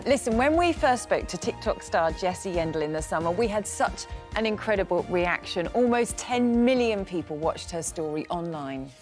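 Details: Adult presenter; typical speech.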